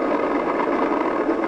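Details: Dense, continuous buzzing roar from the abductor pollicis brevis at maximal effort, recorded with surface EMG signals on a Natus Synergy system: a full, normal EMG interference pattern.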